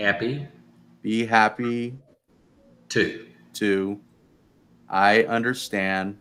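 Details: Adult man speaking; aphasia.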